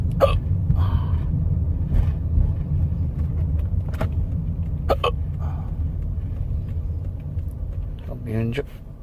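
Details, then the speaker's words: Recurrent hiccups in a person, starting suddenly for no known reason, with music in the background. "I got I got the hiccups again. [Music] Not sure why I got them. They just sort of came out of nowhere."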